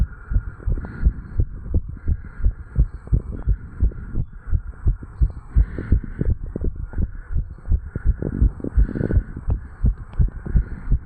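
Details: Normal heart sounds of a 35-year-old male, recorded at the tricuspid valve area after jogging: quick, regular lub-dub beats sped up after exercise, with a steady faint hum behind them.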